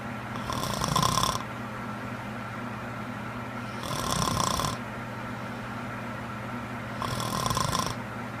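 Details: Young woman snoring while asleep: three rasping snores on the in-breath, about 19 a minute, over a steady background hum.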